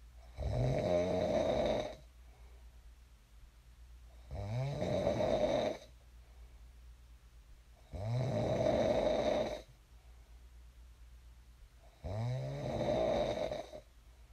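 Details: Steady snoring in sleep on each in-breath, about 16 a minute, with soft breathing out between; ordinary sleep snoring.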